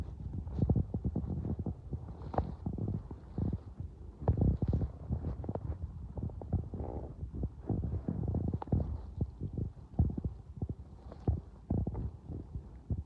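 Continuous low gurgling and rumbling with bubbling pops, ordinary hunger stomach growling.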